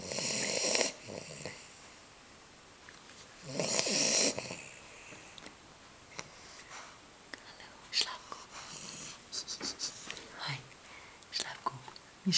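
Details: 10-week-old female American Bulldog puppy snoring in deep sleep: loud, hissing, wheezy snores with snorts and snuffles, noisy breathing through a narrow airway.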